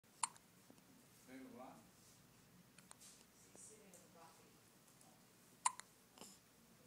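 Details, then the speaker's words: Hiccups in a 12-day-old baby boy: two sharp, brief hiccup sounds about five seconds apart with soft voicing in a quiet room. "How's it going there, bud? How them hiccups treating you?"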